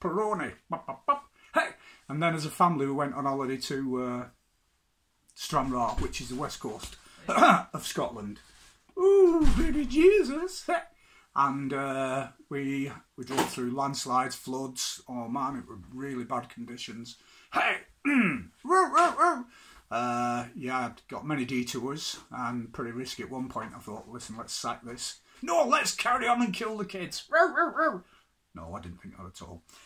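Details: Adult man with Tourette syndrome, interjected vocal tics such as "hey" during speech; vocal tics (Tourette syndrome).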